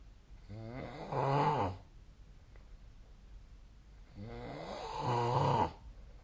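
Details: Two loud, rough, fluttering snores on breathing in, about four seconds apart, with quiet breathing between, recorded with the SnoreLab app; snoring during sleep.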